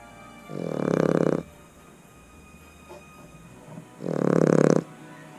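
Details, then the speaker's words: Snoring heard in the background aboard a narrowboat: two loud, rough, buzzing snores about three and a half seconds apart over faint room noise; ordinary snoring, described as usual, apparently from a sleeping dog. "you'll hear obviously Eric snoring in the background as usual"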